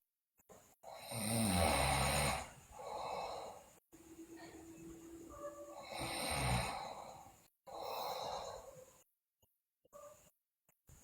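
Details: Sleeping girl snoring loudly, with bruxism and delirium noted; loud, rough snoring breaths at uneven intervals with pauses between; snoring in a sleeping child.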